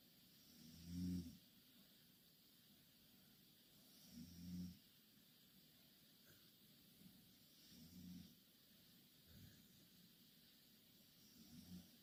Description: Two korean girl snoring in same bed.